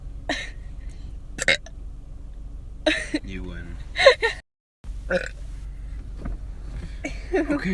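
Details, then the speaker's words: Several short, loud, deliberate burps with brief voiced bursts between them over a low background hum, apparently during a playful burping contest: belching. "we get it get what that you're good burping should have been us damn yeah"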